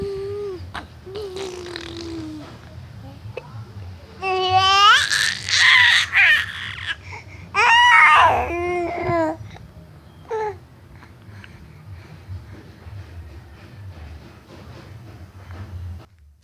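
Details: Infant having hiccups: babbling and fussing that breaks into two short, high-pitched crying bursts, then settles into quiet sounds. Infant cry.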